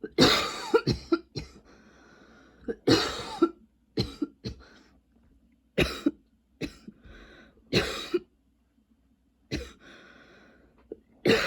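Repeated bursts of harsh coughing with some throat clearing, about nine coughs in quick clusters with brief pauses; a persistent coughing spell.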